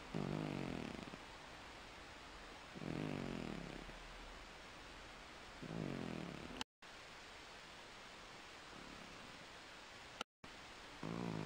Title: My Snoring Senior Cat Miez Miez keeps an afternoon nap - Dinner will be served next